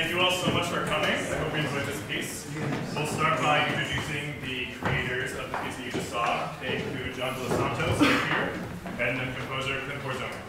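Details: Adult man speaking to an audience; Normal adult voice.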